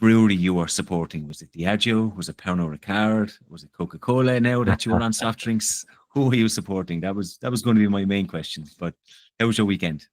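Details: Adult man, conversational speech; normal voice.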